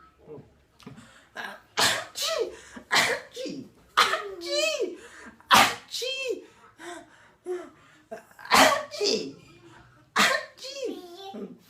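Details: Deliberately imitated, playful rapid sneezing ("achoo", Korean 아치) made to amuse a baby: a run of about nine sharp voiced sneeze-like bursts, each a quick inhale then explosive release; sneezing.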